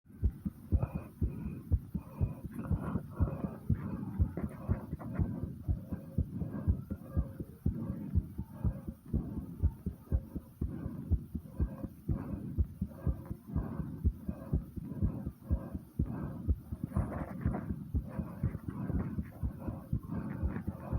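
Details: Loud, fast, regular heartbeat at roughly 120 beats a minute, each beat a strong thump: a person's own rapid, forceful pounding heartbeat.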